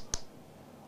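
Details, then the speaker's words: Single sharp click in a quiet room: a transcranial magnetic stimulation coil discharging over the speech area of a science editor's brain, used to temporarily switch off speech while he recites Humpty Dumpty in a research demonstration. "now words mean everything to me but now I'm going to have the speech area of my brain turned off with a giant magnet"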